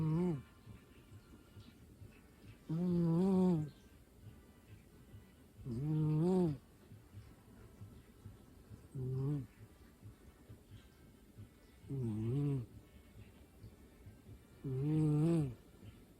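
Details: Sleeping cat: loud rhythmic snores with a low buzzing tone, about 20 a minute, each lasting roughly a second between quiet gaps; snoring.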